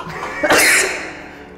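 A single harsh cough burst in a small room, fading quickly. Adult cough.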